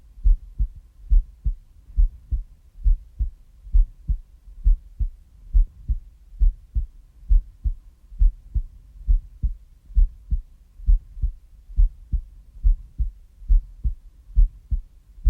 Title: Hardcore Rider Mountain (heartbeat sound)